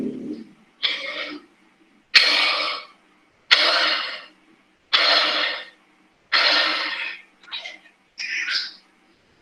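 A run of about seven harsh, rough cough bursts in quick succession, each followed by a short pause. This is a productive cough, in which secretions are brought up from the airways into the mouth and are usually swallowed afterwards.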